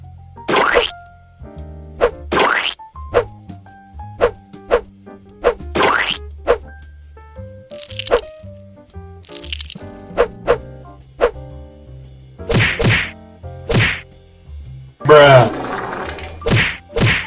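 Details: Person with mild Tourette syndrome on a Zoom call during a bad night, attributed to excess caffeine: sudden, repeated sound-effect-like vocal noises over background music; vocal tics.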